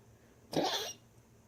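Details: Dog after tracheal ring surgery, constant coughing while exhaling: a single harsh, honking cough burst.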